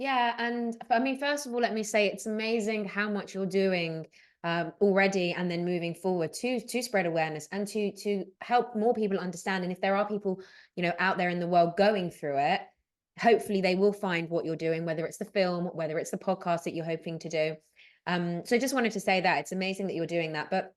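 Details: Adult woman speaking; normal speech.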